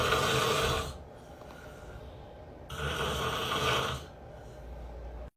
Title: Ranking Funny Couples He Snores, She Records #funnyvideo #couple #ranking